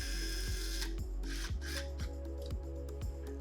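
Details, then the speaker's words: Steady motor whine with rhythmic grinding pulses and faint background music: surgical drill driving the first pin into the upper tibia at a 45° angle to fix the robot array during robotic-assisted total knee replacement. "so the first pin right will be at the upper end of Tiba which will be at a 45° angle right and we will be drilling it inside"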